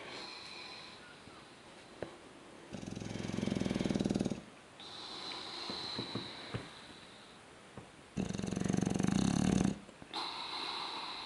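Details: An English bulldog asleep on his back on an indoor couch, with a cat curled up beside him, gives loud, rough, rumbling snores alternating with quieter wheezy nasal breaths; flat-faced dog snoring.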